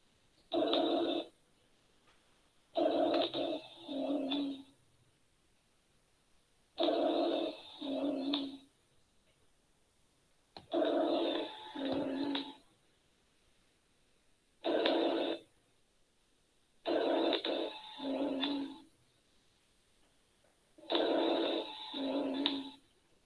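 Coarse, low-pitched snoring sounds with each breath, about 15 breaths a minute: rhonchi from secretions in the bronchi.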